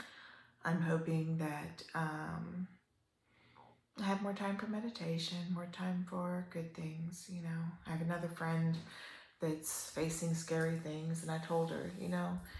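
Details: Adult woman with upper motor neuron onset ALS, almost 3 years in, a slow progressor with worsening spasticity; mild spastic dysarthria (ALS).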